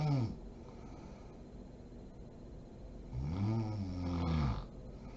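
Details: Sleeping mother: a single low, vibrating snore on one breath after a quiet pause, over faint room noise; snoring during sleep.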